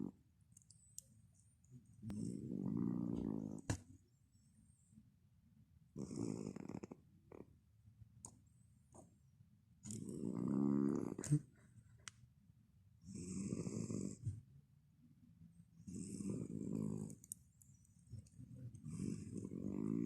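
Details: Cat snoring at 3am in slow, regular rumbling breaths, about 12 a minute, in a quiet room.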